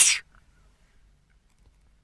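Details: A single short, sharp hissing sneeze followed by quiet. Sneezing.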